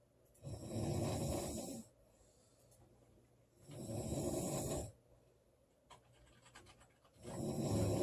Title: Loud girl snoring July 19 2017